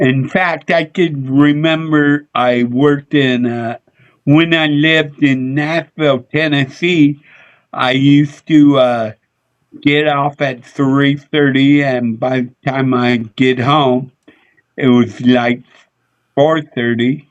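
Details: Adult male with a speech impediment he attributes to a neurological problem: MRI showed an underdeveloped back of the brain, and he hit his head on a dashboard in a car accident when younger; sometimes mistaken for drunk; slurred speech (dysarthria-like speech impediment).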